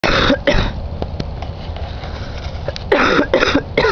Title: Coughing